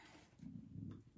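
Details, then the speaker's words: Young woman's audible stomach growl while she is trying on earrings: a low, gurgling rumble lasting under a second. "my stomach is growling. Okay, I could hear it rumbling. This is rumbling, rumbling, tumbling."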